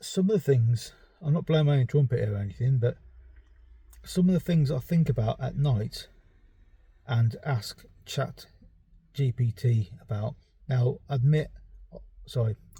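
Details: Stuttering in an adult man with ADHD who reports a stammer causing avoidance of words he can't produce, word substitution, pretending to forget, and restarting sentences.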